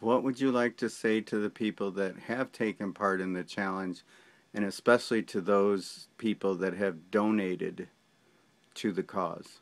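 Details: Adult male speaker; ordinary speech.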